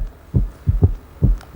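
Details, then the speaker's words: S3 ventricular gallop in a patient who has already developed overt heart failure: low, dull heart sounds in the typical three-beat galloping cadence, with an extra early diastolic sound after the second sound. "when patient has already started overt heart failure this is the s3 [Music] [Music] gallop that typical cadence"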